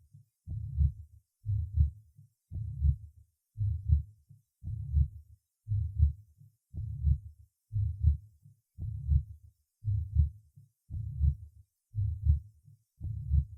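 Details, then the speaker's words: Fourth auscultation point: tricuspid regurgitation; regular heartbeat about 57/min with low blowing murmur filling systole, first sound usually weakened. "в четвертой точке аускультации появление систолического шума свидетельствует о наличии недостаточности трикуспидального клапана 1 тон как правило ослаблен прослушайте систолический шум трикуспидальный недостаточности"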